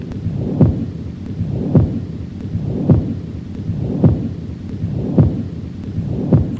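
Regular heartbeats at about 53 a minute with a low rumbling murmur that carries on between beats: a continuous machinery murmur of patent ductus arteriosus.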